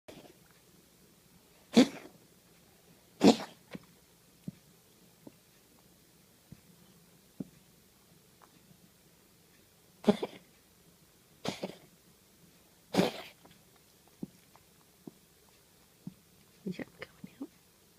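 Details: Cat gives five sharp, dry coughing bursts in a quiet room while trying to bring up a hairball: cat coughing (hairball).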